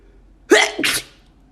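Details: A woman deliberately making herself sneeze, trying to keep her eyes open: a single voiced sneeze, an in-drawn catch followed by an explosive burst of air, with room noise in the background; sneezing.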